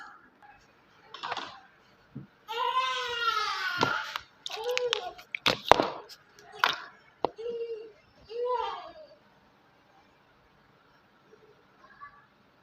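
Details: Repeated fussy wails and whimpers from a newborn in a quiet room, then settling; infant crying.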